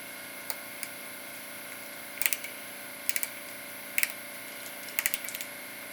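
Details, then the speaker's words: Ratchet and driver seating a TSI dental implant in the lower first bicuspid area of a model mandible, demonstration rather than patient; bursts of sharp mechanical clicks in short groups in a quiet room. "now you can remove the cap and drive it in with the ratchet and the driver"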